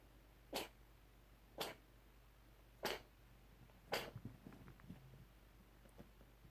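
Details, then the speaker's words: Cat's long, bad coughing bout: four sharp, harsh bursts about a second apart, the last trailing into smaller hacks, in a quiet room. "This is a bad one. A long one."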